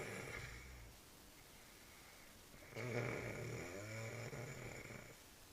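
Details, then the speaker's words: A man snoring in sleep: a low, rough snoring rattle on an in-breath, fading into a quiet pause before a second snore, with faint room noise. "snoring."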